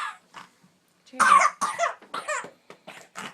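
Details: A young child gives a run of wet, rattly coughs bringing up phlegm while an adult urges clearing the "snot crud"; productive cough.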